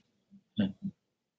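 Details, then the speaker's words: A sleeping female snores, then stops; the observer says she seems to be dreaming of eating a treat. "look at her let's listen to her snore see now she stopped now she stopped okay good she must be eating something in their dreams"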